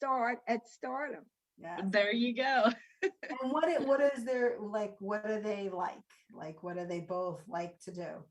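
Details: Adult woman speaking; normal speech.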